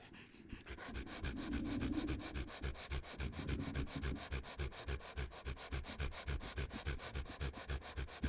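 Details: 11-year-old, 30 kg male Standard Poodle with laryngeal paralysis (non-abducting arytenoids, paradoxical movement) and dynamic cervical tracheal collapse; 2-month history of high-pitched breath sound on exertion; rapid noisy panting, about 210/min, with harsh rasping inspiratory stridor.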